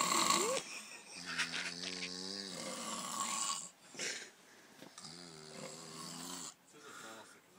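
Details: Two men snoring after drinking wine: two long, buzzing, voiced snores with a rattling tone, separated by quieter breathing; ordinary snoring.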